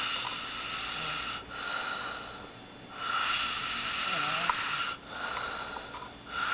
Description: A friend of mine sleeping...and snoring loudly